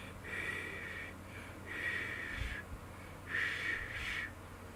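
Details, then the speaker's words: On day two after Bell's palsy diagnosis, one-sided facial paralysis, trying to whistle: three breathy puffs of air with no whistle tone, lips unable to close properly; inability to whistle from facial palsy. "so the paralysis is on this side there are certain things like I can't whistle I was able to before but I can't whistle now with the paralysis"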